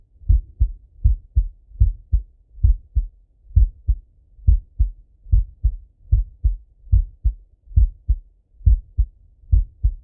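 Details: Heart sounds of a male lying on his left side, heard through a stethoscope: steady paired lub-dub heartbeats, about 72 beats a minute, quiet background.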